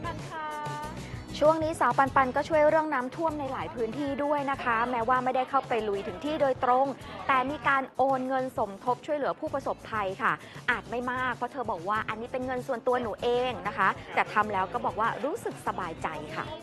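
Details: Adult woman speaking Thai; normal speech.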